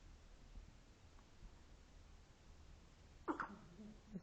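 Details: A baby girl, after several seconds of quiet room noise, gives a sudden sharp gulping catch, then a fainter one: hiccups.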